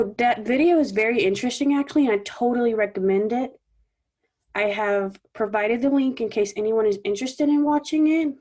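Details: Adult woman speaking; normal voice.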